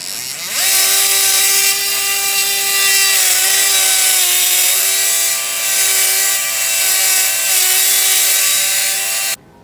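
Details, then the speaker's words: Powered bone saw cutting the anterior process of the calcaneus for lateral column lengthening in stage II posterior tibial tendon dysfunction reconstruction: a loud steady buzzing whine, pitch dipping under load. "So now what we'll do is we'll make another cut right along this line here, and we will put a block of bone there to lengthen the outside of the foot to swing it back this way."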